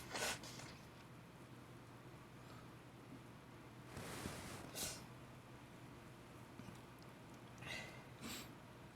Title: Sneezing on the bed after waking up